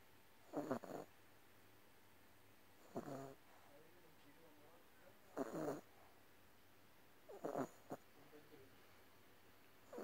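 Four soft, rough snoring sounds about every 2.4 seconds, roughly 24 breaths a minute, from a sleeping dog in a quiet room.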